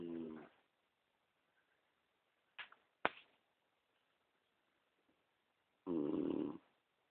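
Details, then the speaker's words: Woman snoring during sleep: soft snores on breathing in, a few seconds apart, with a faint click between; light snoring. "this is the hammies snoring this is going to show her that she really does"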